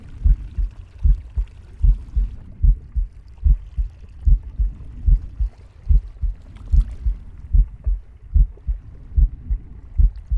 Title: Captain Pig's heartbeat, breathing, and stomach growling